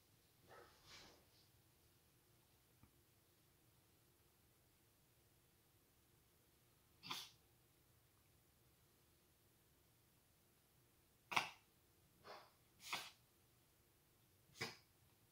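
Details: A run of about five sharp short sneezes and fainter snorts from a cat in a quiet room, caused by a grass straw in the nose after eating grass; sneezing.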